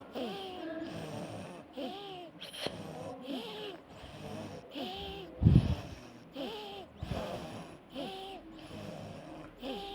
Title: Wheeze of asthma